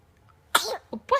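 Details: Two-month-old baby girl who has the hiccups: a short explosive burst followed by two smaller bursts, heard as a small sneeze; sneezing.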